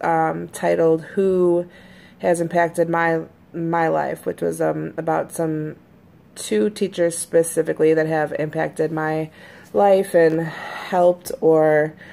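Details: Stuttering with word repetitions in an adult woman who says she always stutters but is usually fairly fluent in her recordings; real speech.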